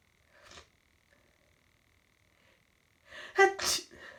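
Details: Hay fever sneezing that has gone on for about an hour, with a stuffy nose: a brief build-up breath, then a loud, forceful double sneeze.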